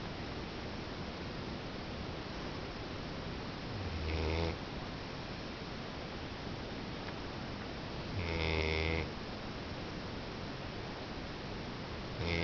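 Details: Pet sleeping, rhythmic low buzzing snores about every four seconds over steady background hiss; snoring.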